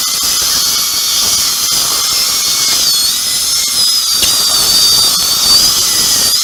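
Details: Upper second molar sectioned with a diamond bur before immediate implant placement, roots fused like a single root: continuous shrill high-speed dental drill whine with water spray, pitch wavering as it cuts through the tooth.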